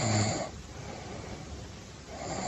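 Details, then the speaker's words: First example snoring sample on a TV health program: low, rattling inhaled snore fading into quiet breathing before the next, regular snoring without apnea, though snoring may signal a pre-disease state. "刚才这个呼噜声是不是相对正常？呼噜声都不是正常的，正常的人晚上睡眠的时候应该没有鼾声才对。"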